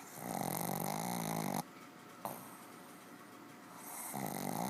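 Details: Male dog in deep sleep, snoring heavily and not waking after two attempts to rouse him, waking on the third. Long, loud, rattling snoring breaths with quiet pauses between; heavy snoring.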